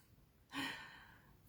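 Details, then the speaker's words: Dog snoring in a quiet room during a live stream: a single noisy, breathy exhale with a brief low rumble at its start. "vous avez le concert du ronflement de de notre chien paton"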